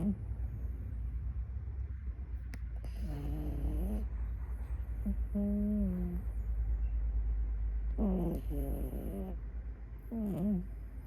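A puppy snores softly with whistly, squeaky nasal tones on each breath over a steady low hum; ordinary sleep snoring.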